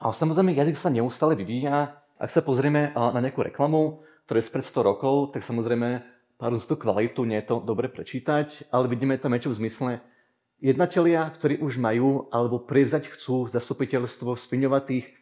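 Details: Adult male speaker; normal speech.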